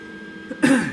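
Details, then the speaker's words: After quiet room noise, one short harsh cough or throat-clearing burst from an adult man with a chronic cough due to respiratory issues. "so but if you hear me go off it's unfortunately it's you'll hear it a lot i have a chronic cough because of the respiratory issues"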